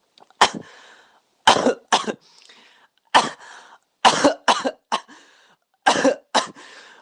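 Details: A person coughing.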